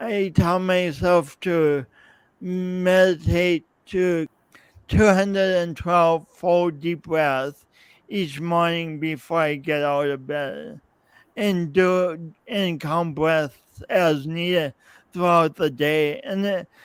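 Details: Adult man, podcast host, with his own speech impediment and coordination differences that persist despite years of practice possibly making him clearer; real, not acted; speech impediment.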